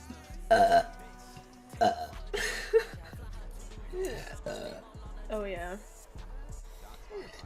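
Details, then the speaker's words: Girl burping repeatedly and saying she does not know why: several loud, low, drawn-out belches with a croaky voiced quality, separated by short pauses, with faint music in the background. "Why am I burping so much?"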